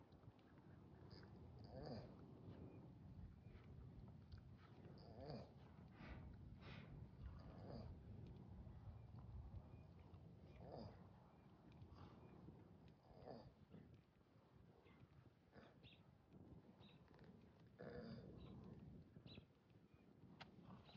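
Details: Loud, rough snoring breaths from a big bull in deep sleep, lying on hay with his head on a younger bull, against steady outdoor background noise.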